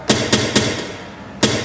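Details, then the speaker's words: Insulin pump vibration alert recorded from a child's type 1 diabetes pump: four short buzzing pulses, three in quick succession and one after a pause. "där är när man trycker på knapparna på pumpen till exempel där är pumpen har ett vibrator ljud som låter så"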